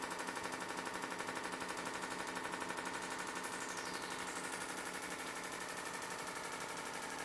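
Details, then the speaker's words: Shockwave therapy handpiece firing rapid, very regular loud clicking bursts (about four per second) during a live self-treatment demo for Achilles tendinitis and rotator cuff; counting up to 1,000 shots, held longer over tender areas. "All right. So, he's coming down to 1,000 shot. I'll stop at 1,000 and we can just discuss."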